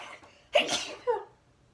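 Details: Single sharp, explosive sneeze with a brief trailing breath, triggered by sniffing powder; sneezing.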